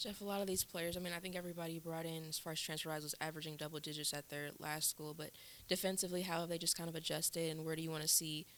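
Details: Adult speaker; typical speech.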